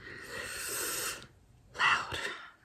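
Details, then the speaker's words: Snorting noisy breathing from a French bulldog, described as constantly snorting, snoring and groaning in the background: a long rasping breath, then a sharp snort. "you're going to hear my dog buttercup in the background she's constantly snorting and snoring and groaning and whatever if you feel hear something it sounds like a tummy rumbling or something it's her"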